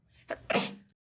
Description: demonstrates a fake sneeze.🤧🤧🤧🤧🤧🤧🤧🤧🤧🤧🤧❤️❤️❤️❤️❤️❤️.